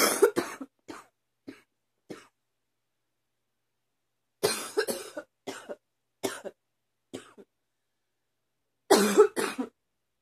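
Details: Three bouts of short, dry-sounding coughs, about fifteen in all, with quiet pauses between bouts, in someone whose allergies are becoming more frequent; repeated coughing.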